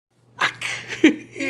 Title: fake sneezing